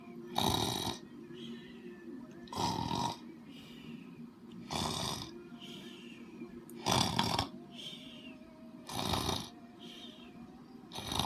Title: Loud happy snores 7